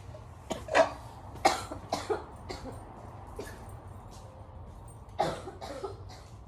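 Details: A girl with bronchitis gives about five bursts of short, chesty coughs within a few seconds in a noisy room; bronchitis cough.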